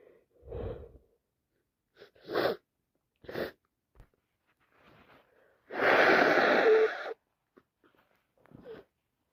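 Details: Person with allergies plus a bad cold sneezing non-stop: several sharp sneezes with gasping build-ups and one long drawn-out sneeze.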